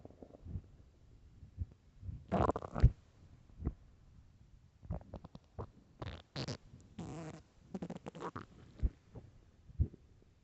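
Loud low gurgling and squeaky growls from an empty stomach; ordinary hunger rumbling.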